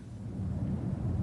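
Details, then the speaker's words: Posterior chest auscultation with the stethoscope diaphragm as the patient says "99" to test transmitted voice sounds; voice sounds louder and clearer than normal are called bronchophony. "99 voice sounds that are louder and clearer than normal are called Brophy 99"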